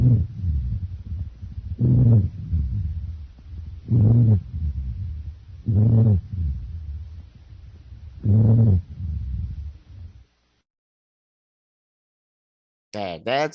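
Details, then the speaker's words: Repeated low, snoring, musical breath sounds: low-pitched wheezes, also called sonorous rhonchi. "or low pitched in which case they are also called sonorous ronkai"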